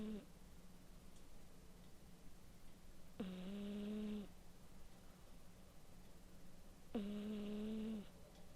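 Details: Male cat snoring while napping: low, buzzing rattles on each breath in, about 16 breaths a minute, in a quiet room.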